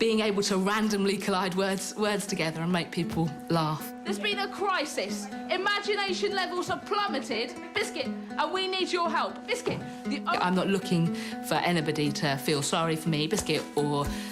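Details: Woman with Tourette syndrome beginning at about age six, with a repeated involuntary single-word vocal tic interrupting speech. Finding: vocal tics (Tourette syndrome).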